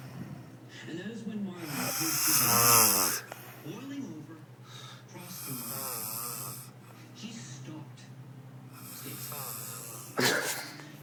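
Rattling, vibrating snores on the breaths in, with hissing breaths out and a snort near the end: snoring.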